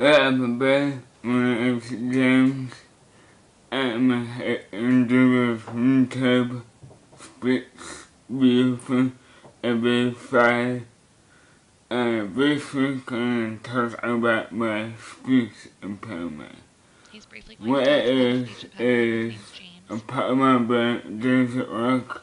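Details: Young man with neurogenic (motor speech) dysarthria and poor muscle tone causing drooling; consistent errors, near-target speech sounds, very difficult to understand; dysarthria.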